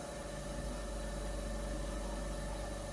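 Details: Suction machine running during oral suctioning with sterile gloves; each pass no longer than 15 seconds: a steady low motor hum with a faint constant whine.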